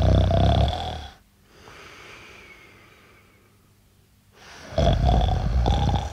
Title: Human Effects Bf / Man Snoring